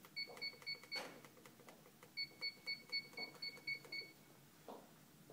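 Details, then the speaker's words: Syringe pump being programmed to a 60 infusion time in an instructional demonstration: short high clear beeps in quick runs as keys are pressed; infusion pump keypad beeps. "then you turn it on and then you would set it to the time so which is 60."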